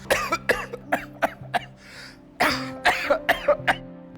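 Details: Acted cough in an Ayurvedic cough syrup TV advert about acute cough and throat irritation: two runs of short, sharp dry coughs, about eleven in all, over music with a brief pause between runs.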